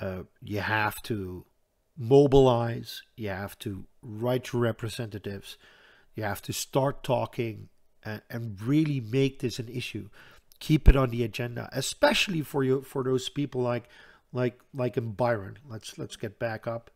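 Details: Stuttering in an adult Dutch man who says he stutters audibly all the time, with a stutter in which he hangs up between his words.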